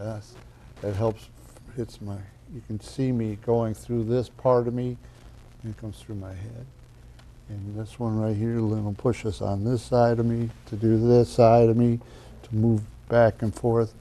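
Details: Adult man speaking; aphasia.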